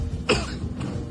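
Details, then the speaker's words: Acted Indonesian skit: a single short cough over room noise from a character who says he has been coughing since yesterday; simulated cough. "kenapa batuk? Saya tidak tahu, sudah dari kemarin batuk ini."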